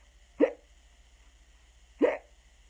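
Two abrupt voiced 'hic' sounds about a second and a half apart, imitated hiccups during a story reading.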